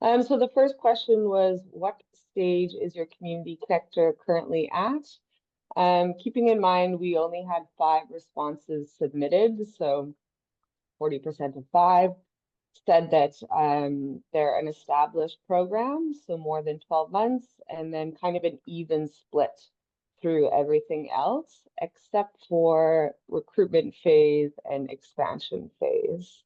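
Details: Adult woman speaking; normal voice.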